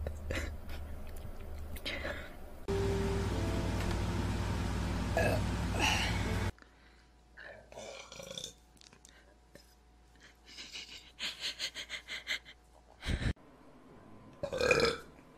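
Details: Compilation of burps and hiccups during a live stream: loud, low belches with some hiccup-like sounds and background talk; ordinary burping.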